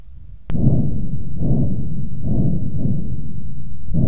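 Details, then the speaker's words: Normal dialysis arteriovenous access bruit heard with a stethoscope along the access: continuous low whooshing hum with gentle pulsing surges. "remember this is what a normal access sounds"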